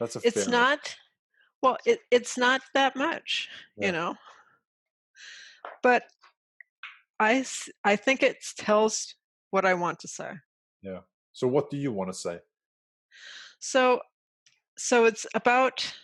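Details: Adult woman with aphasia after a stroke caused by a carotid artery dissection; aphasia.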